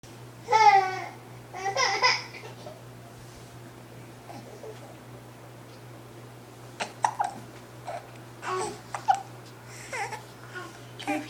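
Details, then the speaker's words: First-born baby making early vocal sounds, then a run of short, sharp hiccup bursts with a snort-like catch in a quiet room; infant hiccups. "Oh, hiccups."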